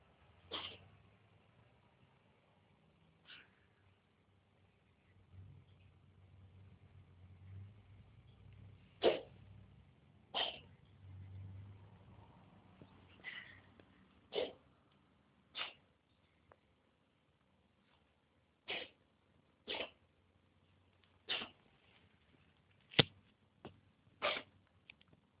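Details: Female cat coughing: about a dozen short, sharp, dry coughs spaced irregularly over twenty-five seconds.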